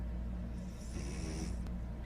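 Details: Dog snoring while lying next to its owner: low rumbling breath noise under a steady background hum.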